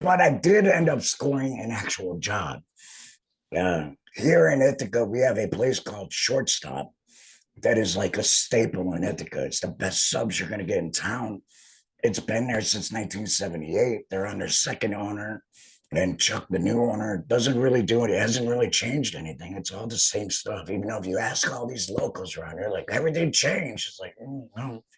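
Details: Adult man after laryngectomy; alaryngeal speech after total laryngectomy.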